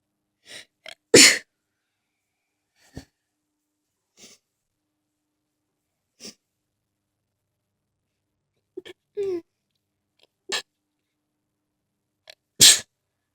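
A fit of repeated sneezes: two loud bursts and several smaller stifled ones, with quick breaths in between, in a quiet room.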